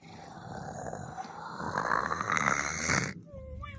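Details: Cartoon snoring sound effect of the Nick Jr character Face napping: a rough, rattling snore that builds in loudness, ending with a snort and a tonal whistle.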